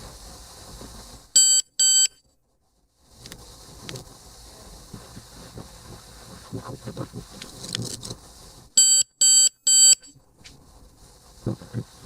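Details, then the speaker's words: Two short high-pitched beeps, a quieter stretch, then three beeps from a ThermoGlide thermocoagulator at the end of an approximately 20-second treatment, demonstrated on chicken tissue, before probe cool-down. "That longer beep tells you the treatment is completed. Now we're just awaiting the cool down process before removal."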